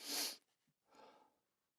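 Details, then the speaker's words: Adult sneezing in a sound-treated room, tickle when sniffing up; one loud, sharp sneeze burst, then a softer breathy exhale; a normal sneeze. "Whenever I sniff up, it starts to tickle."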